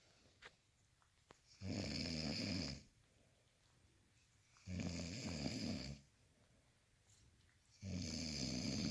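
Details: Snoring: three steady rumbling snores about three seconds apart, roughly 20 breaths a minute, in a quiet room.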